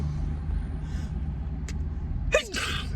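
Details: Woman sneezing in her car while waiting in a Starbucks drive-through line after the gym: a quick inward catch, then one sudden forceful sneeze with a short trailing exhale, over steady car-engine rumble.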